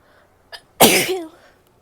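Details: Female: a short in-breath followed by one loud, explosive sneeze that trails off, quiet room behind.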